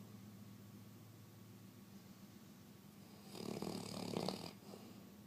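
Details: Person sleeping on a couch: quiet breathing, then a brief louder rattling snore on one breath, over low room hum; snoring.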